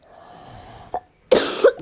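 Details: A short throat-clearing sound, then a harsh two-burst cough with faint room noise, from a sick schoolgirl with a very high fever who apologises for coughing while playing a game.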